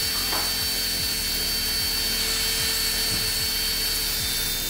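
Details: Steady high whir of a rotary podiatry burr with faint rhythmic scraping and background music, filing a big deep foot corn with surrounding callus in a returning patient.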